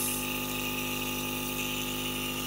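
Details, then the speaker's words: Black cat with asthma attacks placed in a box for nebulizer treatment lasting about six minutes; steady mechanical hum with hissing airflow of a running nebulizer compressor. "so I'm going to start the nebulizer"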